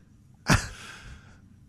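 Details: Adult woman's hiccup: one sudden, loud, gasping sneeze-like burst then a drawn-out breathy trail, dramatic enough to startle her dog; a single hiccup.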